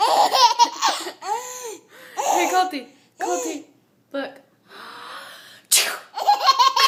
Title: Baby cracking up over sneezes